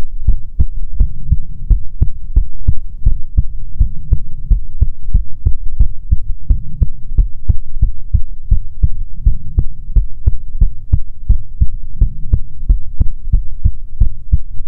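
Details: Steady, deep thumping at about 140 thumps a minute, probably paired beats near 70 a minute, over a low hum, in an ASMR heartbeat recording meant to be soothing; normal heartbeat.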